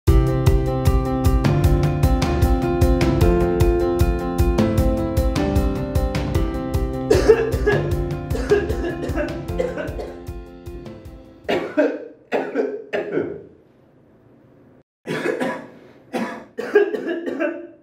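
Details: Several short, sharp coughs in separate bursts after background music fades out, used to demonstrate a deep-learning cough recognition camera that locates coughers in real time.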